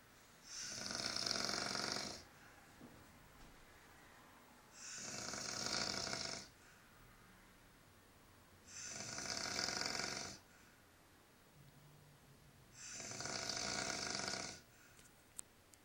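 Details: Four loud, harsh, rattling snores on the in-breath, about every four seconds, with quiet pauses, from a man sleeping in a motel; ordinary snoring.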